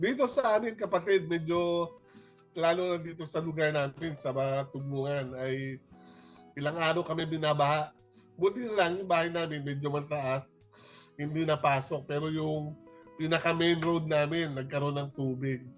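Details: Adult man speaking; normal speech.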